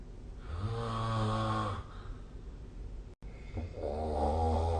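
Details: Two loud, rumbling snores on breathing in, separated by a quieter exhale; adult snoring during sleep, recorded with the SnoreLab app.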